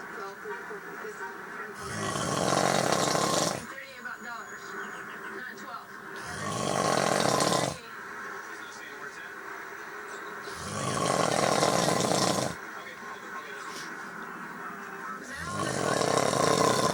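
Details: Adult male (dad) snoring after a long day of hunting: four loud, rumbling snores on the in-breath, about 14 breaths a minute, with quiet out-breaths between.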